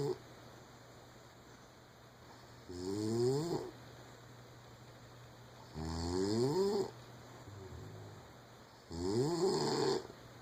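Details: Sleeping wife, loud regular rattling snores on each breath in, roughly 19 a minute, over a constant background hum; snoring.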